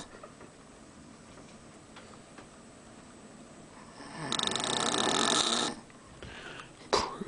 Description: my dad snoring on a cruise to alaska.